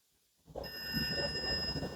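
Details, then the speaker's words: Tinnitus simulation played during a lecture on deep brain stimulation, showing what a patient may hear: a steady high-pitched ringing tone over faint room noise. "desconocemos bastante sobre qué se trata el tinitus porque es un sonido que solamente existe en el cerebro de esa persona es un sonido como un dolor miembro fantasma duele un brazo que no está ahí"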